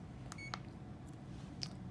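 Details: Two short electronic beeps, then a fainter chirp, in a quiet room; CADD pump for epidural and nerve block infusion alerting as it is stopped for a cassette change.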